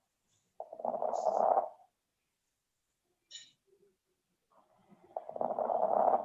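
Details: Abnormal lung auscultation from a virtual pneumology clinical exam: crackles, described as inspiratory and moist (wet).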